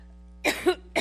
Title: SEVERE COUGHING FIT - New York